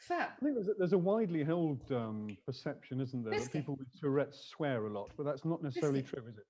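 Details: Adult speaker; plain speech.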